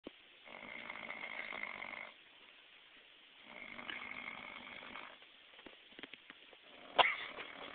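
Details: Loud snoring from a drunk man: two long, rough, rattling snores several seconds apart, then smaller snorts and a sharp noise near the end.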